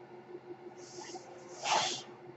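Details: Speaker's own mechanical ventilator, heard during a podcast recording: a soft airy hiss, then a louder rushing puff of air over a steady low hum as the ventilator delivers a breath.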